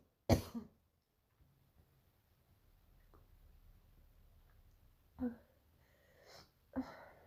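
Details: Three separate harsh coughs with quiet breathing between them in a small room; painful morning cough.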